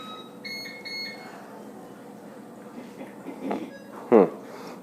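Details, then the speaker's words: Fabian neonatal ventilator alarm: several short electronic beeps over quiet room noise, signalling that the distal flow sensor calibration is required. "है अरे कोई alarm दे रहा है शोषण sir पहले written S required तुमको क्या करना पड़ेगा प्रोसेसर को पहले फिर से कैलीबरेट करना पड़ेगा ना"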